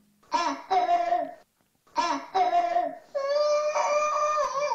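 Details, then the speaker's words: Child with laryngitis (croup, laryngotracheitis): two pairs of harsh, hoarse barking cough bursts, then a long strained high-pitched inspiratory stridor from air passing the inflamed larynx. "para que os hagáis una idea de cómo es ese tipo de tos vamos a escuchar un audio con esta to estridulosa o"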